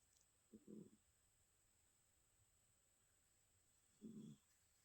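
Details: Pet snoring while asleep with its eyes open, after dozing off while waiting for its owner.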